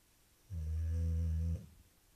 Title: Our snoring dog - boxer Omi